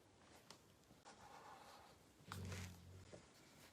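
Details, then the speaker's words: A pet dog snoring while asleep in a quiet room: a soft breathy draw of air, then a short, low, rattling snort. "That's Hockney snoring, by the way, in case you're wondering what that noise is."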